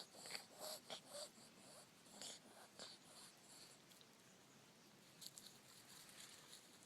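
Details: Female dog Piper shifting from sneezing to reverse sneezing after rhinoscopy: rapid, harsh snorting inhalations in a burst while her owner calls her.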